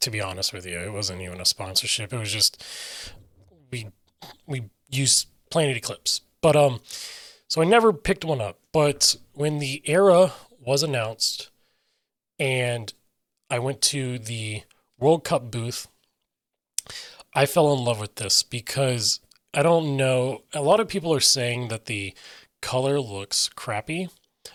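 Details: Adult male with self-reported aphasia: difficulty articulating intended meaning and getting words out, sometimes substituting words then trying to get back to the intended one, describes his own speech as scattered; aphasia.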